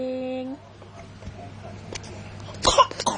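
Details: A tone fades into quiet room noise, then a brief burst of a few short coughs from a child.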